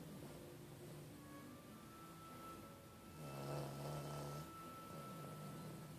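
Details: Shih tzu snoring: low droning snore with one louder snoring breath over steady room noise and faint background tones.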